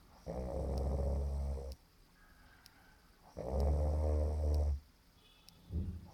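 Deep, rattling snores about every three seconds, each followed by a softer breath out. Loud snoring.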